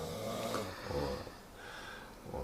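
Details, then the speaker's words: Loud, rumbling, buzzy snoring with a low fluttering rattle, likened to an electric drill, heard around 2:30 a.m. from a man sleeping across the room while others cannot sleep; quieter breathing between snores; snoring. "因为对面有个在打呼的人，对吗？"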